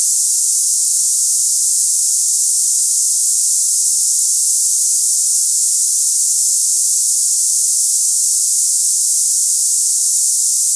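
Steady high-pitched hiss, like cicadas, with no breaks: a simulated cicada-like tinnitus sound.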